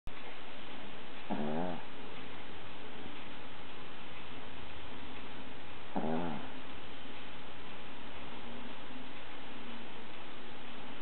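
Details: Dog snoring during sleep: two short, rattling inspiratory snores about five seconds apart over a steady background hiss.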